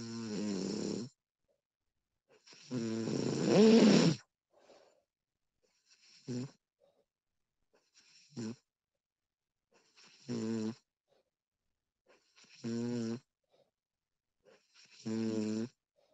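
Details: Woman recorded while asleep, extended one-hour recording: repeated snoring on each breath, some longer and louder, others brief snorts, in a quiet room; snoring.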